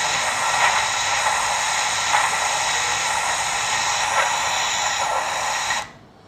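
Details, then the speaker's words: Doppler ultrasound at the anastomotic site of an arteriovenous fistula (arteriotomy about 2.5 mm): loud continuous whoosh with rhythmic surges, high-flow signal, peak systolic velocity around 400, significant. "so this is a high flow fissure the psv is around 400 so this is a significant psv"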